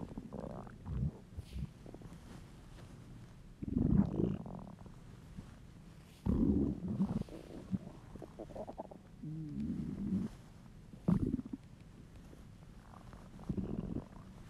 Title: Hungry stomach rumbles